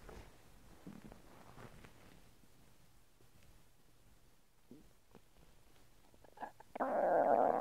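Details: Person's own stomach noises: soft, scattered gurgles and low rumbles, then a louder rushing gurgle at the end, stomach growling (borborygmi).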